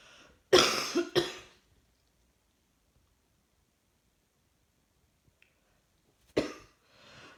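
Two quick harsh coughs, a pause, then a third cough in a quiet room.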